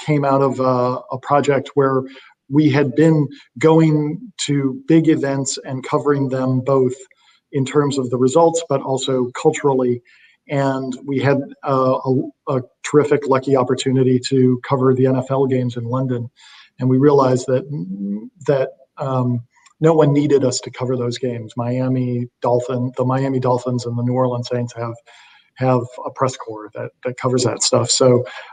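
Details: Adult man speaking; normal conversational speech.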